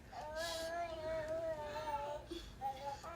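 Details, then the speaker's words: Crying at bedtime: sustained, wavering high-pitched wail with a short break and renewed cry, over room noise and talk; infant cry. "You're going to go to sleep? But your baby's crying."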